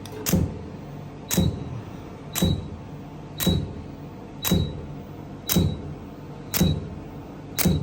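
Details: Regular sharp clicks with a brief high beep, about 57 a minute, from a laser hair removal device firing pulses during a laser hair removal treatment.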